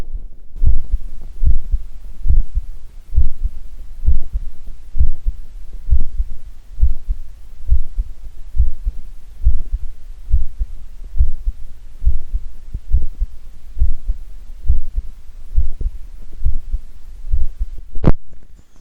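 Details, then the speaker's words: Normal heart sounds recorded with an old microphone pressed against the recorder's own chest: steady low thumps at about 68 per minute, each beat containing multiple sounds. "each of these large waves here is uh one heartbeat and in fact in that heartbeat there are multiple sounds"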